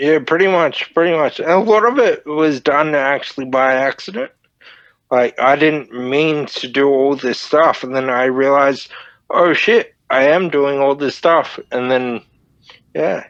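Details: Dysarthria from Friedreich's ataxia, a neurodegenerative disorder, in a 31-year-old man diagnosed at 14; he reports slurred speech and struggling with words as part of the disorder.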